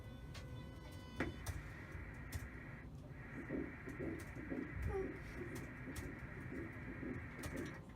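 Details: Soft, regular pulsing beats around 110 a minute over a steady machine hum: a normal early fetal heartbeat on ultrasound at about 5–6 weeks by crown-rump length, in a pregnancy after 5½ years of infertility.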